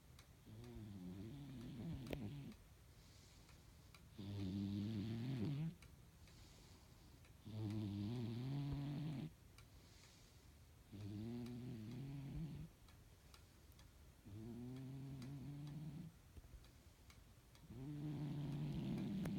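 Steady rhythmic snoring, about six rumbling breaths in, roughly 18 per minute, with quiet pauses between; ordinary snoring during sleep.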